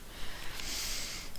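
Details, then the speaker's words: Snoring from a sleeping cat, likened to an old man snoring: a soft, rough snorting breath over low room rumble. "I love myself can you hear my cat snoring like an old man"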